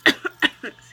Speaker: hey y'all this is again you have to excuse me my allergies are starting to make me cough